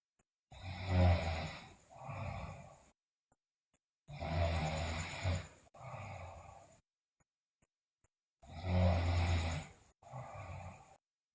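Three loud, rough, low snoring breaths with a quieter sound between them, about 16 breaths a minute, with silent pauses between.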